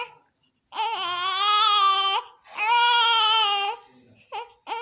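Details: Newborn born at 38 weeks, just after birth: two long, strong wailing cries with a clear voice, then short whimpers; a vigorous newborn cry in a small room.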